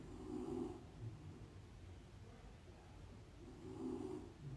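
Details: Snoring from a sleeping dog: slow, low rumbling breaths, about two cycles in a few seconds, in a quiet room with light rain on the window.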